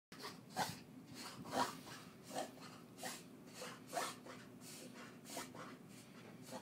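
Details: Dog's reverse sneezing fit: repeated harsh, honking snorts at about one per second.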